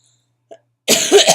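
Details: Adult with chronic illnesses and acute bronchitis with asthma complications, on prednisone; a faint sound, then a single harsh, noisy, congested cough burst: cough of acute bronchitis.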